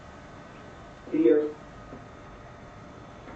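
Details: Moderate non-fluent aphasia in a man after a single left MCA stroke, at least 10 months post onset, in a pre-treatment picture-description probe; uses non-specific verbs and pronouns instead of nouns.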